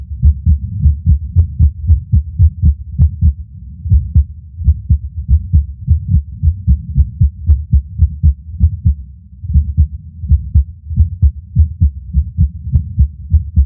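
Low, thudding heartbeats with an uneven rhythm and occasional longer pauses where a beat seems to drop out; irregular, skipping heartbeat.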